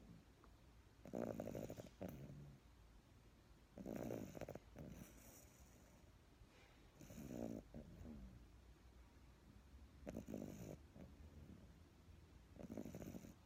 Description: She fell asleep in my arms and then started snoring.